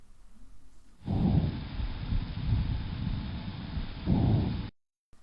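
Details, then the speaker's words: Soft, low rushing normal breath sounds heard through a stethoscope on the chest, one inhale and exhale, with no added crackles or wheeze. "健康診断で医師が聴診器を胸に当てますね。どんな音が聞こえていると思いますか？こんな呼吸音"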